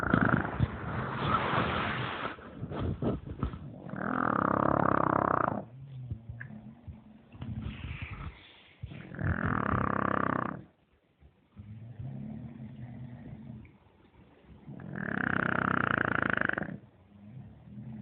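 Loud, rumbling snores on each breath, with quieter, rougher breathing between them, about 6 to 7 breaths a minute.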